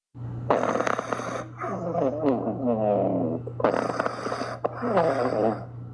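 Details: Loud, rumbling, fluttery snores and groaning breaths from sleeping puppies over a steady electrical hum; ordinary harmless snoring.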